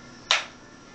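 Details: Single sharp click of a transcranial magnetic stimulation coil firing one manual pulse over a seated woman's head during motor-threshold location in a live demonstration; TMS used for major depression.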